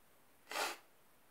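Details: Single short, hissing, slightly wet stifled sneeze through the nose, in bed in the morning in a quiet room.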